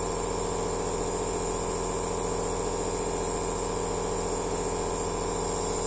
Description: relaxing sound of aerosol therapy machine